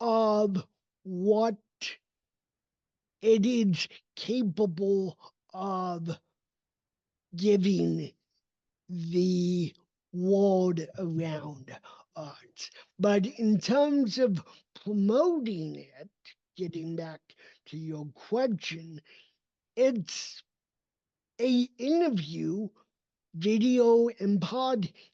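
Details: Dysarthria in an adult man with cerebral palsy, a neurodevelopmental disability affecting his motor development and movement.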